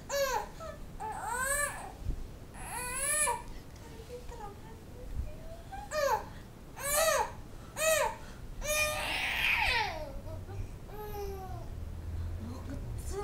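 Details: Angry baby crying in repeated rising and falling wails, roughly one a second at first, with pauses for breath; an angry infant cry.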